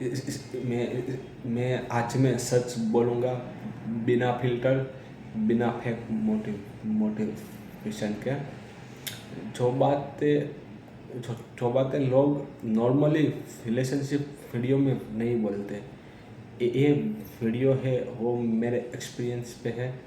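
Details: Adult man who stammers, speaking Hindi; stuttering.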